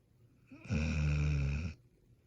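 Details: Kelpie dog asleep, snoring: one loud, rumbling, buzzing snore about a second long, with quiet between.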